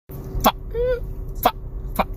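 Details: Vocal tics from an adult man with Tourette syndrome, a stand-up comedian who spreads awareness about the condition; vocal tics.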